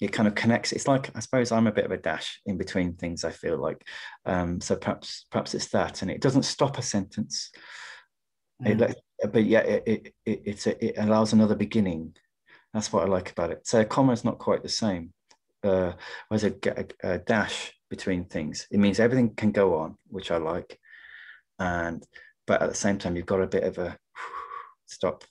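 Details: Stammering in an adult poet who stammers, speaking in a webinar of the British Stammering Association (STAMMA).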